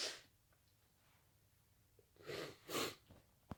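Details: Sudden late-night sneezing attack, muffled attempts: a burst of sneezes with sharp explosive releases and quick breaths between them, in a quiet room.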